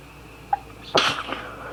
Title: More sneezing!!